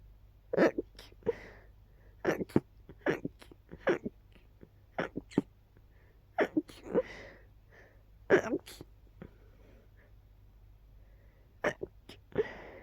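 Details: A run of about a dozen sharp, explosive sneezes, some in quick pairs, with sniffs and breaths between, starting right on waking; sneezer suspects allergies; sneezing.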